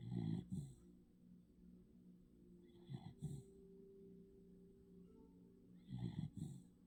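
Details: Sleeping dog snoring: repeated snorting, fluttering snores in short double bursts about every three seconds, with a faint whistle between them.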